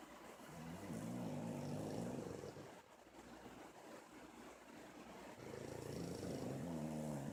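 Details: Pugs snoring while sleeping in a dark room: two long, rumbling, fluttering inhalation snores with a quieter exhalation between them.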